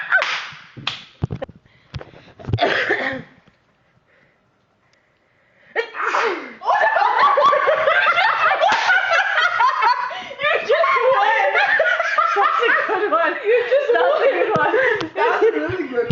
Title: best sneeze competition